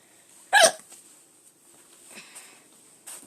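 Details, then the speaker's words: One sharp, sudden hiccup with a couple of faint follow-up sounds, then another brief onset at the end; hiccups. "okay please have another hiccup there we go okay"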